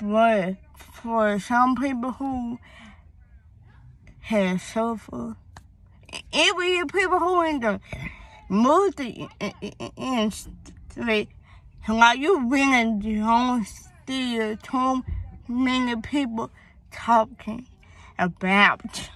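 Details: Young woman whose speech impediment began around third grade with hearing loss (deafness); she had speech therapy at school, doctors found no cause, and she was born prematurely: speech impediment.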